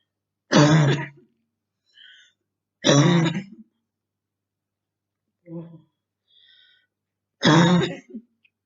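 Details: Girl in quarantine with very hard bronchitis: three strong harsh coughs with a softer cough and throat clearing between, quiet room; repeated coughing.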